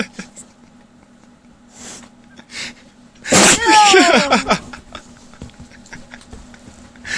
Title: Rude awakening by way of sneezing pit bull dog!